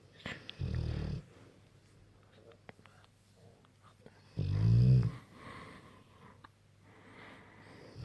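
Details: Two Bullmastiffs sleeping on a bed snoring loudly: two deep, low rumbling snores several seconds apart, with faint room noise between them.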